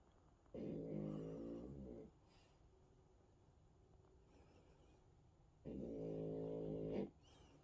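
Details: Hunter, a French Bulldog, asleep: two loud, rattling, buzzy inhaled snores about five seconds apart with quiet breathing between; snoring.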